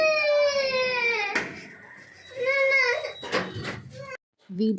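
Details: Newborn baby boy crying in hospital on the third day, at discharge, after birth. High, wavering cry in long bursts with breaks for breath, in a small room; ordinary infant crying.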